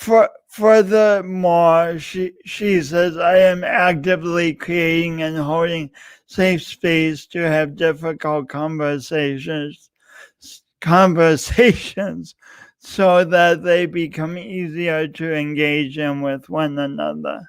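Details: Man describing his own self-described speech impediment, type not named; disfluent speech; speech impediment (disfluent speech).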